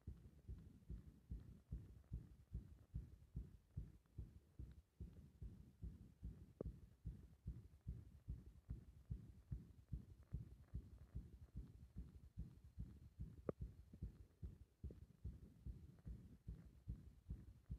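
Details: Muffled, compressed heart sounds, mostly steady and fast, with a few uneven gaps and beats; irregular rhythm while the breath is held.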